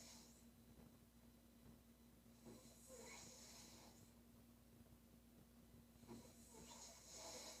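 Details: Woman snoring during sleep: two raspy, hissing snoring breaths in under 8 seconds over a steady room hum.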